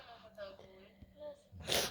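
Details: Person who just woke up with nose trouble and keeps trying to sneeze: soft, strained voicing and catching breaths build up, ending in one sudden, forceful burst of air. Sneeze.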